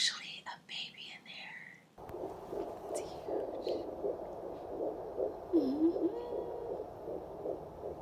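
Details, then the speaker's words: Fetal heartbeat at about halfway through pregnancy, heard with a Doppler probe at a midwife prenatal visit: fast, rhythmic whooshing pulses after brief whispering. "going to get my measurements and hear the heartbeat the sweet sweet sound of my baby's heartbeat it's amazing"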